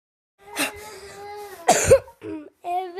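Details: Person who says they are sick, coughing and hoarse, gives a single harsh cough burst between voiced sounds with a husky voice while talking during gameplay.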